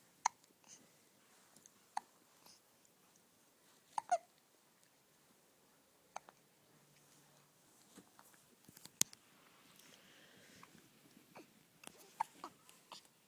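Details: One-month-old baby boy with hiccups: faint, sharp, brief clicks and catches every few seconds in a quiet room.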